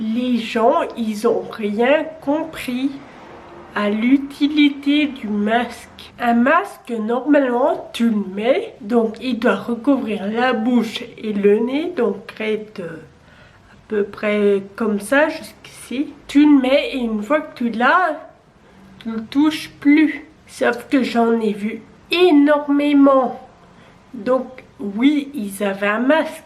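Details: 27-year-old woman with Friedreich's ataxia, a genetic neurodegenerative disease with onset at age 10; she has used a wheelchair since age 18; ataxic dysarthria.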